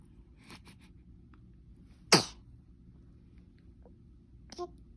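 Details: Newborn on day 8 viewing a focus book: a single sharp, brief sneeze in a quiet room with a few soft baby noises; sneeze.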